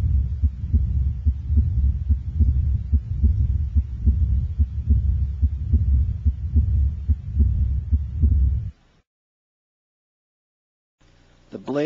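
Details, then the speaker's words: Pediatric cervical venous hum, louder with the head rotated away from the examined side; continuous low hum with regular heartbeats about 72 a minute, a harmless normal finding. "the hum becomes louder when the head is rotated away from the side being examined listen now to a cervical Venus hump"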